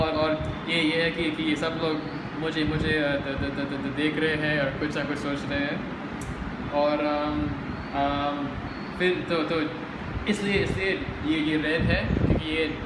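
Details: Male who stammers, speaking Hindi, describes blocking when he stammers; word repetition heard; stuttering.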